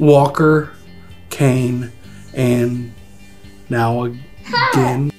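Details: Adult man with aphasia after a large stroke, with nonfluent speech; speaking is his biggest challenge.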